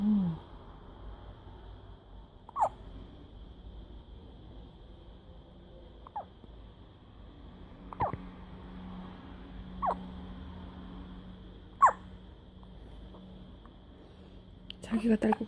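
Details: A newborn baby girl has her first hiccups since birth: soft, sharp hiccup clicks about every two seconds over a low, steady room hum: repeated hiccups.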